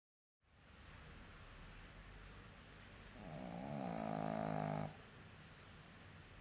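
Quiet breathing, then one drawn-out, fluttering snore lasting about two seconds before settling back to soft breaths.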